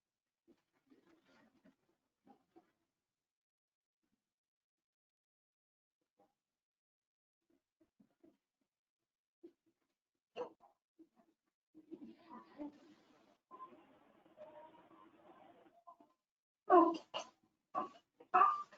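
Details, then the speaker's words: Child being assessed for stridor in a childhood illness (IMCI/AIEPI) training example: a quiet, wet noise on both breathing in and breathing out, judged to be a blocked nose rather than stridor. "Cuando inspiraba y expiraba, escuchamos un ruido húmedo. Por lo tanto, decidimos que no tenía estridor, sino nariz tapada."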